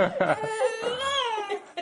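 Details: Infant crying during tummy time; he refuses to practice crawling on his tummy. Brief fussy cry, stuttering at first, then a drawn-out wail rising and falling in pitch.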